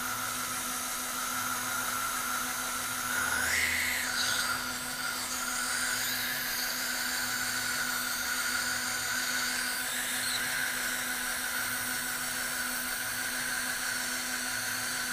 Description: Dental video showing non-surgical placement of a anterior dental implant.